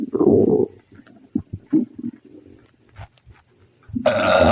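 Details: Loud, deep burps with gurgling stomach rumbles between them, frequent belching during an upset stomach after eating spicy food; burping.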